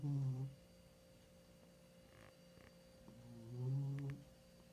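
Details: Snoring from a sleeping 15-year-old cat.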